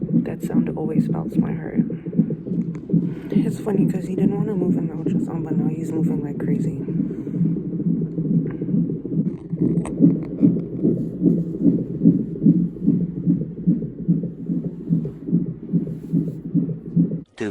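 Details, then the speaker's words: Male fetus's heartbeat on a fetal monitor during a 30-minute monitoring session: rapid, regular whooshing thumps at about 145 beats a minute, strong and normal-sounding. "you can hear his heartbeat it's good it's strong"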